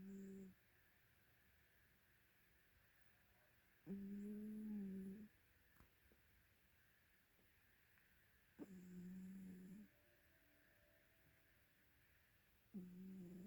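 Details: Cat snoring loudly in a deep nap: slow, droning snores in a quiet room, about one every four seconds with silent gaps between; snoring during sleep.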